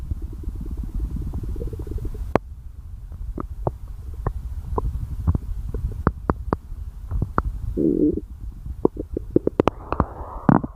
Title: stomach growling